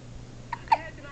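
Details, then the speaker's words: One-day-old newborn baby boy with hiccups after feeding: two brief, sharp voiced hiccup sounds over a quiet room hum. "Oopsie. Somebody's got the hiccups."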